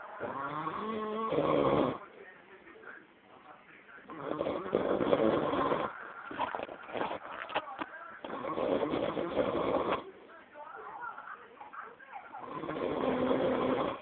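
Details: A man asleep snoring very loudly: long, rattling breaths in a steady rhythm through a muffled recording; heavy snoring.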